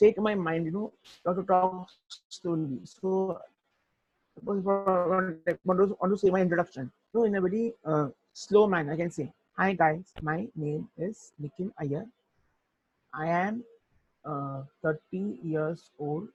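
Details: Young adult man who stutters: stuttering.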